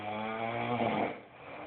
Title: Is she really snoring that loud?